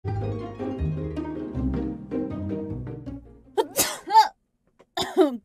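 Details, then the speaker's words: Young female, feeling under the weather, tagged allergies and sinuses: after background music, a gasping intake then two or three sharp, explosive bursts; sneezing. "oh gosh I got to sneeze thank you sorry guys I am feeling a little bit under the weather so I'm going to go ahead and sneeze again"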